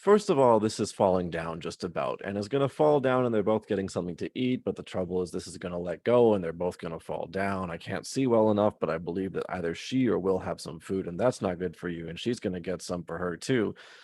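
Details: Lecturer imitating Wernicke's aphasia while describing a picture, not a real patient; Wernicke's aphasia (imitated).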